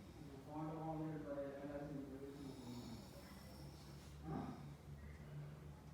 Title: Snoring...